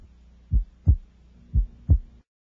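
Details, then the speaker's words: Normal adolescent S1 and S2 heard over the second intercostal space: crisp low lub-dub thumps, with S2 made of A2 and P2 that separate more widely during inspiration than expiration, a physiologic split. "note that the second sound is composed of two components A2 and P2 separated more widely during inspiration inspiration expiration inspiration"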